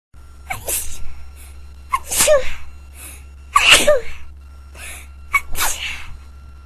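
A run of four or five sharp sneezes, each with a quick indrawn breath then an explosive burst, repeating in quick succession.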